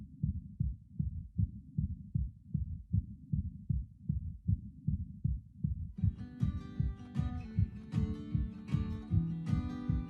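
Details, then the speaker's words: Recorded heartbeat of a terminally ill patient, played back within a song the family wrote for her: steady low fast thumping, roughly 150 a minute, with guitar music joining partway through. "Quick question. So the heartbeat No, we'll listen first. Yeah, but that's the heartbeat."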